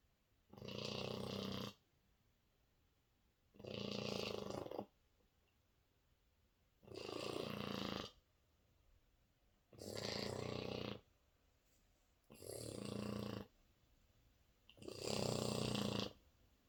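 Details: Snoring from a sleeping 4-month-old French Bulldog puppy. Regular, rasping snores about every two and a half seconds, roughly 24 a minute.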